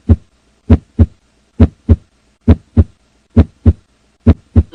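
Regular paired lub-dub beats, about 67 a minute, with clear first and second sounds and quiet gaps between: normal heart sounds.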